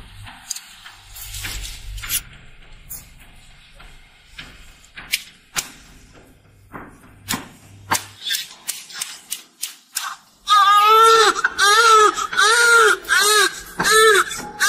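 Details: Newborn girl, 3,140 g, crying right after caesarean delivery: after clicks, thuds and equipment hum, loud, high-pitched rhythmic wailing; newborn cry.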